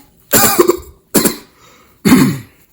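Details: Cough in a comedy sketch: someone with a dry, itchy throat tries to hold in a cough, then coughs.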